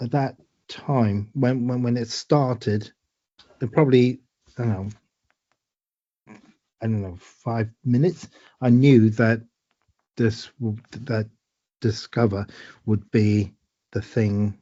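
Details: Man with aphasia after a stroke in 2022, about two years earlier, who needs the start of a word as a prompt; aphasia.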